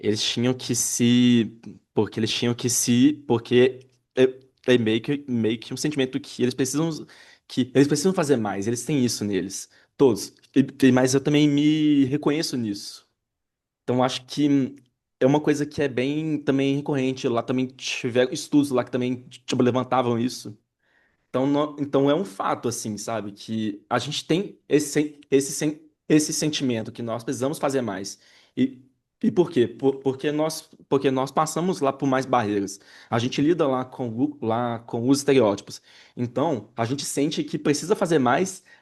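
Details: Adult Brazilian Portuguese-speaking man who identifies himself as a person who stutters, in a real interview: stuttering.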